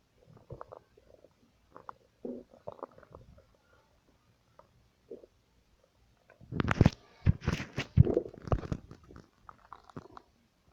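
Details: Irregular low gurgles and squelches, quiet at first then a louder burst of rumbling near the end: ordinary stomach rumbling, normal bowel sounds.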